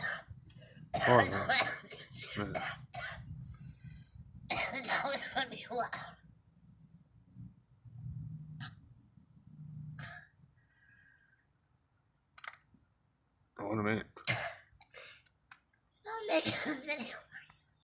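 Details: Young woman coughing while smoking: several harsh cough bursts and throat clearing among voices and laughter.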